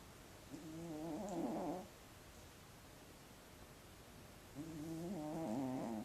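Two soft, rattly snores on inhaling, separated by a quiet pause, from a sleeping cat; ordinary sleep snoring.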